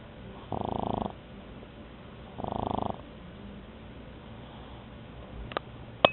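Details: Pug sleeping during a nap: two rattling, fluttering snores on breaths about two seconds apart.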